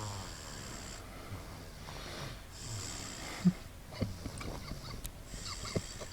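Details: Light snoring: soft, low, fluttering breaths with faint hissing and a few snorts and clicks.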